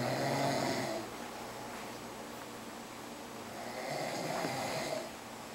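Two rough, noisy snores about four seconds apart, with quiet breathing between them. Ordinary snoring.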